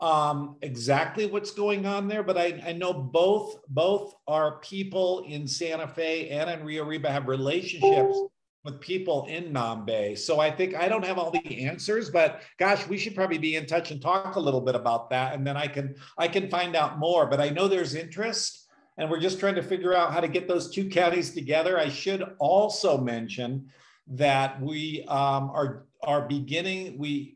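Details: Adult male speaker; normal speech.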